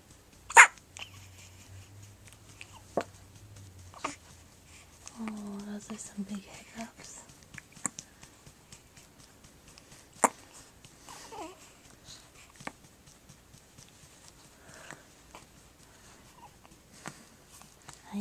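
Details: Baby with hiccups: repeated short, sharp hiccup bursts at irregular intervals, about eight over eighteen seconds, with soft adult talk and a brief low hum in the background.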